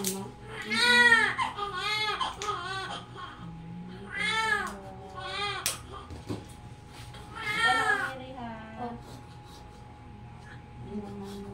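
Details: Full-term baby girl, 2.5 kg, just after normal vaginal birth in a delivery room: loud, intermittent crying bursts with clear wails between pauses and faint room noise; a healthy cry.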